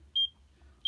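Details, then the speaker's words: Check Me Pro portable EKG device recording a 30-second ECG with electrode pads: two short high-pitched beeps about 0.7 seconds apart, one per detected pulse; result a regular ECG rhythm. "so you can see it's checking for your ecg and it's also uh checking for your pulse rate on the bottom right side"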